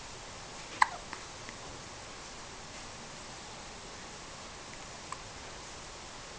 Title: Hiccups again